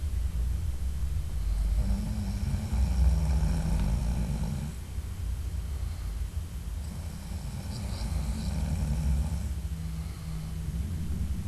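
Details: Loud, deep, rumbling snores on long breaths, about two in eleven seconds, over steady room noise; adult man snoring in sleep, keeping his wife awake at night; audio only.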